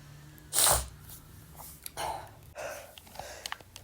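One sharp, explosive sneeze followed by sniffing and a couple of softer snorting exhales in a quiet room.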